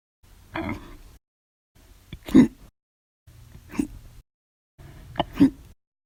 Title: 7/28/19, Violent, Loud, Silent, Minute Hiccups after Lunch Audio Only